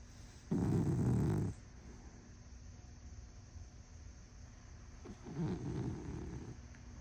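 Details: Small sleeping dog snoring very loudly: deep, rumbling snores repeat about every five seconds over steady room noise.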